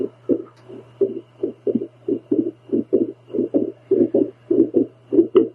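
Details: Adult woman's own heartbeat on a home heartbeat Doppler while trying to calm it with a breathing exercise: whooshing beats near 100 a minute, uneven spacing, some close pairs; irregular heartbeat.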